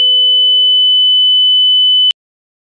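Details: Simulated tinnitus: steady high-pitched pure tone with a lower tone for the first second, then abrupt cut-off, imitating ringing in the ears.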